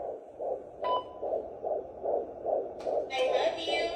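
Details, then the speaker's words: Fetal heartbeat on a doppler, the baby brother of a Pomsky dog: fast, regular whooshing pulses at about 150 a minute with the dog's whine over them. "is that baby brother's heartbeat yeah you got a heartbeat that's your baby brother's heartbeat"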